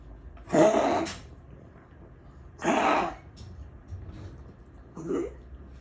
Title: Rambie is struggling to breathe. Almost. Wheezing cough.